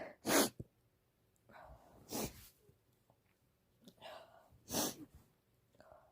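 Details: Female with a red nose, sneezing all day from either a cold or allergies, unsure which: three sharp sneezes, each preceded by a soft inward build-up breath, in a quiet room; sneezing.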